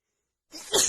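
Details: A sudden, hissing, explosive sneeze through the nose and mouth from a female during a non-stop sneeze attack, with a runny nose after an hour outside in cold, snowy weather combined with dust.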